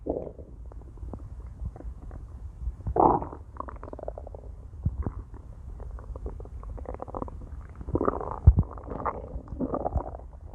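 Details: Low gurgling rumbles and bubbling bursts from inside a person's belly come and go over about ten seconds. Ordinary stomach growling (borborygmi).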